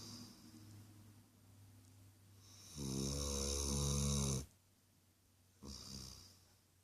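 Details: Snoring dog: a low, rattling snore on a long inhaled breath, then a shorter second snore after a quiet pause.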